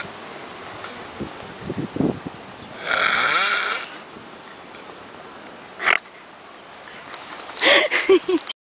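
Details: Person asleep in Varadero: one loud, rough snore followed by snorts and gurgling throat noises against steady background hum; snoring.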